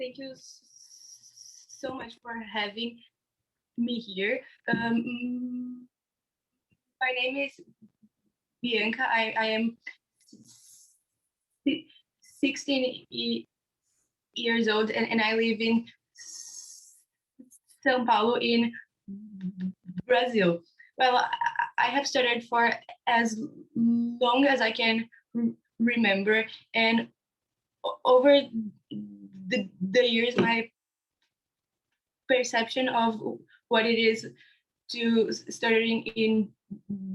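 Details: Young man from India who stutters, describing his own stammering on a live panel of young people who stutter; stuttering.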